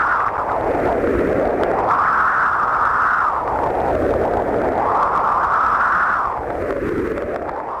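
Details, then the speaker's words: Doppler monitor check of a Flow Coupler's 20 MHz ultrasonic Doppler probe: the probe is connected and its tip irrigated with sterile saline. A loud whooshing tone rises and falls, slowly swelling and fading, confirming the probe works. "verify probe function by connecting the probe to the Monitor and irrigating the attached probe tip with sterile saline solution an audible signal from the monitor verifies proper function of the"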